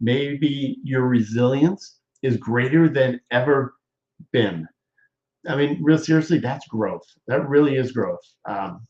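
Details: Adult man, apparently a stroke survivor, with aphasia; he presents ongoing talking as therapy for his aphasia, and a viewer notes improvement; aphasia.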